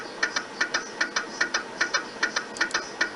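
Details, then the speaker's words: Rapid rhythmic knocking, about 150 a minute, in paired taps over a steady hum: MRI scanner gradient coil noise while acquiring images, played from a video during a talk. "this is actually the sound that's coming from to generate different frequencies and using that to generate images"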